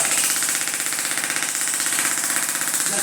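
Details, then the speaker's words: Radial shockwave therapy handpiece on the feet of a neuropathy patient, breaking up adhesions out to the toes: loud, rapid, regular tapping, about four pulses a second; shockwave device in operation. "These are sound waves. Not much of a shock, it's sound waves. That's what we call shockwave therapy. We're busting up adhesions in the feet."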